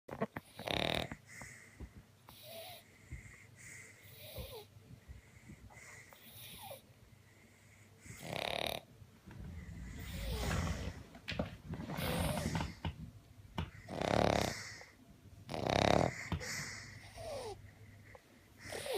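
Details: Two sleeping dogs, a Newfoundland and a Cavalier, snore in overlapping, uneven rhythms with rough rattles and occasional whistling squeaks.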